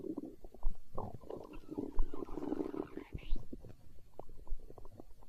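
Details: Hunger stomach growl recorded for ASMR: low, rumbling gurgles with bubbling pops from the belly; ordinary borborygmi.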